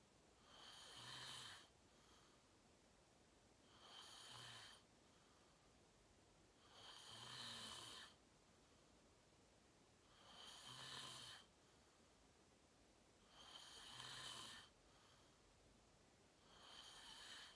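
Regular rasping snores on each breath in, about 18 a minute, against steady room hiss; ordinary snoring in sleep.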